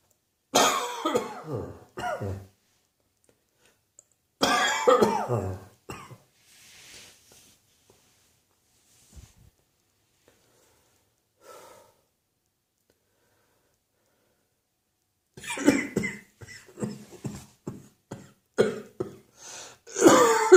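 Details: Mid-morning winter coughing fit in an adult: clustered harsh coughs, a long quiet pause, then another burst of coughing.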